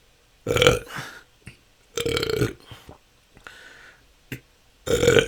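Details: Self-recorded continuous 10-minute session of natural burping with a better microphone; belching can go on for hours and has been a struggle for a couple of years. Loud belches in rapid succession with short gulps and softer burps, about four in five seconds: excessive belching (eructation).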